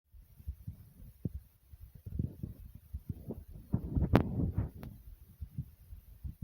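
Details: Self-recorded heartbeat over about three minutes: low, dull, forceful pounding heart thumps with scratchy rubbing and handling noise.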